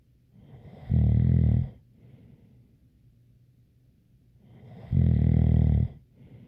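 Two loud, rumbling snores about four seconds apart, with quiet breathing between; a faint higher whistle rides on each snore.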